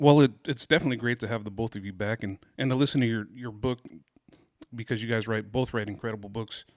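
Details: Adult man speaking; Normal voice.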